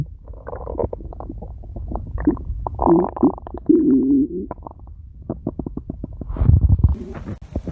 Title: Cute Stomach Growl